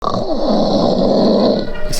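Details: Contest entry for worst snorer: a single loud, rough, rattling snore on inhalation with a low buzzing quality, likened by the judges to a tractor starting.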